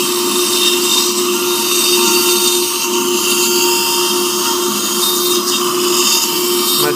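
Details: Surgical removal of a fully impacted lower right third molar, with suction collecting autogenous bone from the osteotomy: continuous high-pitched whining drill with hissing spray; dental bur cutting.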